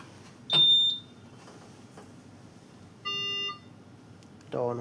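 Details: Start-up beeps from a CARESCAPE R860 ventilator switched on at the rear before its system pre-check: short electronic tones, a normal device sound.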